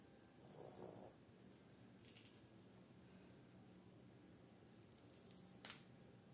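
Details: Short, rough snoring breath from a sleeping Shih Tzu, followed by quiet room noise; snoring.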